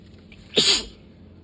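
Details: Sneeze during a sudden sneezing fit: a single sharp, hissing sneeze burst in a quiet room.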